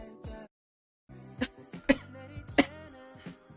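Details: Three or four short, sharp coughs from a girl over background music; she says her body feels unwell and her throat is hoarse.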